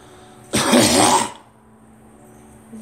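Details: A single harsh, forceful cough lasting under a second, with a faint steady hum in the room before and after.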